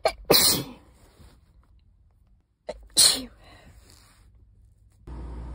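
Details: Sneezes recorded before an illness, from a sneeze compilation: two forceful, breathy sneezes, each preceded by a quick inward breath. Ordinary sneezing.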